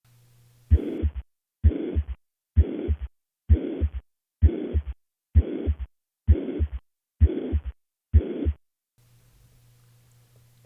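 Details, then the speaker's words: Teaching recording of a mitral regurgitation murmur: regular heartbeat about 65 a minute with a uniform, even-loudness holosystolic murmur from a constant left ventricle–left atrium pressure gradient. "next we have mitro regurgitation the pressure gradient between the left ventricle and the left atrium remains relatively constant throughout syy resulting in a uniform or holosystolic shape"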